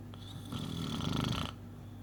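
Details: Snoring: one rough, vibrating snore with a faint whistling edge over low room hum.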